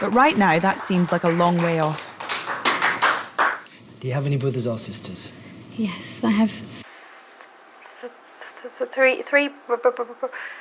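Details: Man with a stammer introducing himself at the start of an intensive 4-day McGuire Programme course, before learning the technique; word repetitions and hesitations; stuttering.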